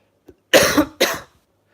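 Two harsh, loud coughs from an adult after a brief throat sound; an ordinary cough.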